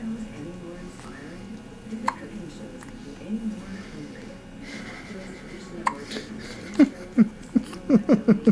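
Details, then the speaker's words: Baby girl's first hiccups while lying calm and loosely swaddled: a run of short, abrupt catches of breath, about six in two seconds, in a quiet room. "Your first hiccups, girl. It's already growing."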